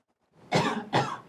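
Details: Two short, harsh cough bursts in quick succession from an adult woman, who claimed to be COVID-positive, coughing intentionally at police during arrest.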